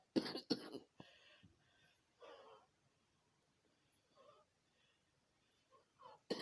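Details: Two sharp coughs, a few softer throat sounds, then one more cough, in a quiet small room: cough.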